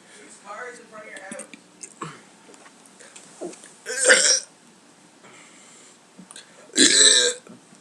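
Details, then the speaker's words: Two loud, drawn-out burps between bits of quiet talk, from a person who had just eaten beans; burping. "that's awkward air that was gross kind of actually I'll do a good one I can't get anymore not volume 2 anymore so hope you like my this burping video peace"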